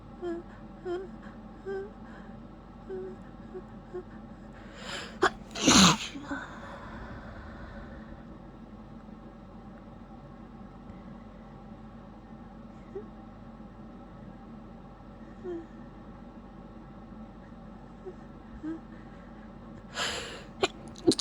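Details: Person sneezing repeatedly, unable to stop once started: two sharp, explosive sneezes, each preceded by a quick intake of breath, in a quiet room.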